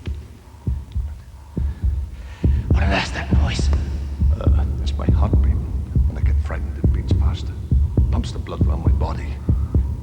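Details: Simulated sound effect in a children's wildlife TV show: regular low thumping heartbeat near 68 a minute, depicting a heart racing from fright.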